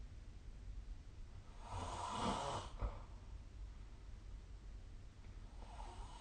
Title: 🐽 本日のイビキ / Snoring Sleep Sound 2024/12/25